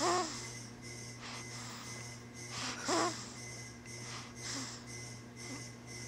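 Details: Snoring during sleep: rhythmic snoring breaths about 20 a minute, with whistling squeaks on some breaths, over a steady background hum.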